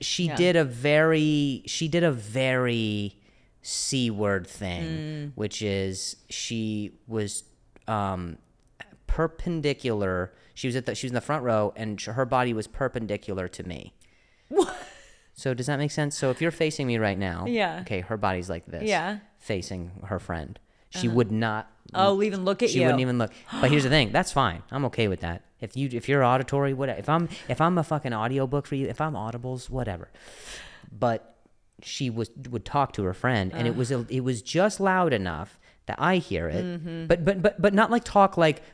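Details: Stuttering with word and phrase repetitions in an adult male comedian who also mentions an injury he has had, in conversational podcast speech.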